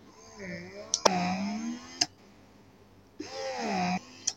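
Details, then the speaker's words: Handsfree electric breast pump running in expression mode with long suction: whirring motor suction cycles with a click as each long pull releases. "untuk Spektra di mode perah yang kedua hisapan pendek panjang di mter gold ada mode two in one juga Sama ya Jadi hisapan pendek hisapan panjang juga"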